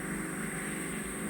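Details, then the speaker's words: Endoscopic ear microsuction of hard but brittle ear wax by a nurse, probe rinsed in water to stop blockage, bits disappearing up the tube; steady loud hissing suction roar. "dip your suction probe in the in some water just to rinse it through so it stops getting blocked and again some more coming out now these bits did start disappearing up the tube"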